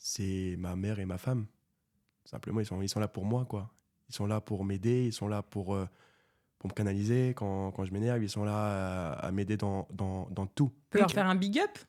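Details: Stuttering in a 24-year-old man who has stuttered since birth; it was severe in childhood and treated with speech therapy, and it is now mild, mainly under stress and not when doing magic, with little stuttering noted in this episode.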